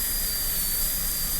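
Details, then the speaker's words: High-speed dental handpiece cutting a Class II 30MO preparation on a lower-arch typodont model tooth in a demonstration, steady high-pitched whine with hiss and low rumble while evening wall depth to burr height, preserving triangular ridges, extending into grooves. "So now I just want to make sure that all the walls are the same height as the burr."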